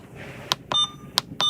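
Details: Alaris 8100 large-volume infusion pump module being programmed for a weight-based infusion: four short, high-pitched keypad beeps; normal device feedback tones.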